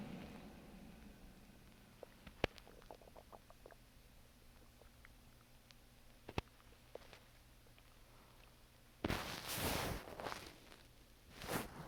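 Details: Irregular soft clicks and gurgles from the belly, ending in louder rumbling bursts: ordinary stomach growling, bowel sounds.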